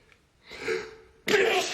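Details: Adult man, a self-described very allergic person, having a gigantic sneezing fit blamed on cat (Persian) allergy: a brief in-breath then one forceful sneeze burst, with sneezes growing stronger through the fit.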